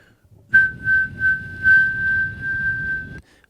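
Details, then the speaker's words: Vocal imitation of tinnitus: a steady high-pitched whistle held about three seconds, given as one example of what tinnitus sounds like. "Tinus to me, Joe, is one of two things. It's either this"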